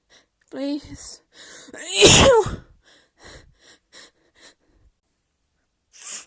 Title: Little Sneezing Torture Scenario :)